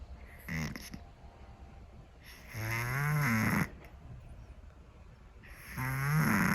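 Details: Scottish Fold cat snoring loudly: rattling, low-pitched snores on breaths in, roughly every three seconds, with quiet breathing between; snoring.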